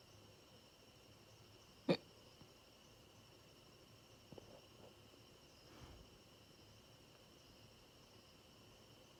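A single sharp, abrupt catch in a quiet room, with a few faint sounds afterward; consistent with a hiccup.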